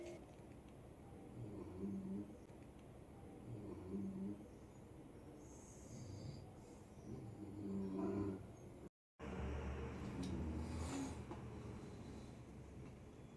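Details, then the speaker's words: Several people snoring while asleep in a crowded hotel room at night: low, rattling snores repeating about every two seconds over a steady room hum. "কি শুনতে পেলে সকলের নাক ডাকার শব্দ? সত্যি রাতে এটাই শুনে শুনে জেগেছিলাম।"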